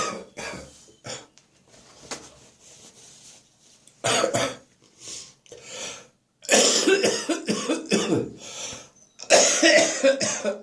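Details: Spring cold; the cough is now stuck in the chest, deep and wet. Repeated deep, harsh, rattly coughs in clusters with short breaths between: a wet productive cough.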